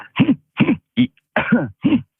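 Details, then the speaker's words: Adult police officer with Tourette syndrome: a rapid run of about six loud, voiced throat-clearing grunts, a throat-clearing cough-like vocal tic that came on hard and fast. "And when they first started, it was a very, very loud kind of throat clearing cough type thing. So it was very, very noticeable."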